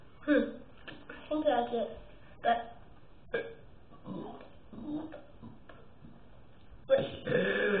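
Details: Person burping deliberately in a quiet room: a run of several loud, low, throaty burps; belching.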